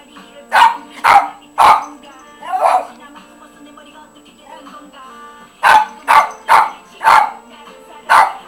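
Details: Hiccups in a one-year-old miniature Doberman dog.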